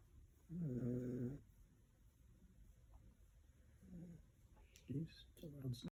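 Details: Snoring in a sleeping dog: buzzy, rattling snores on several breaths, one long and others shorter, over faint room noise.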